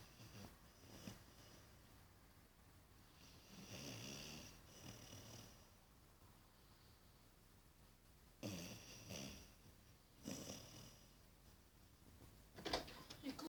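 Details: 5-month-old Australian Shepherd–Labrador mix dog asleep (dreaming): irregular rough snoring breaths with snorting bursts, several over about 13 seconds, in a quiet room; snoring.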